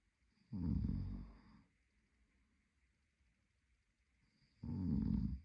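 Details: Adult male partner asleep: two loud, rough, low snores about four seconds apart, with quiet breathing between them; ordinary sleep snoring.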